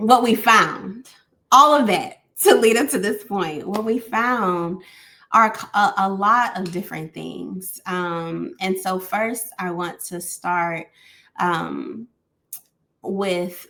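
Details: Adult woman stuttering.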